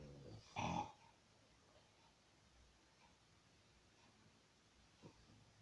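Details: 8-month-old female English/Boston bulldog, a flat-faced breed, struggling for breath: one loud snorting gasp, then a faint second; she is worse at times and overheats quickly: noisy obstructed breathing (brachycephalic airway obstruction).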